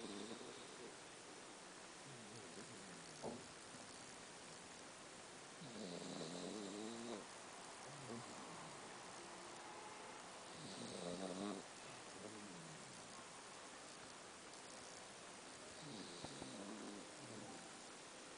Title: SNORING PUPPY